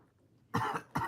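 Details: Two quick harsh cough bursts from a child heard in the distance in a quiet room; a plain cough.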